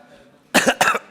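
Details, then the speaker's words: Adult man speaking at a formal hearing who notices his voice is hoarse: two quick, forceful throat-clearing coughs in a quiet room. "Wah, suara saya serak rupanya."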